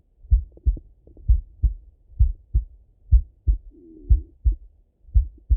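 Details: Male heartbeat, full heart auscultation with stethoscope, recorded partly sitting at a desk and partly lying in bed; low paired lub-dub thumps repeating steadily at about 60 beats per minute; normal heart sounds.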